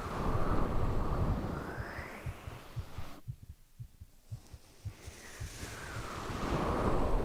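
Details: Boyfriend sleeping: soft regular low heartbeat thuds, roughly 70 a minute, partly covered by slow breathing noise; normal resting heartbeat.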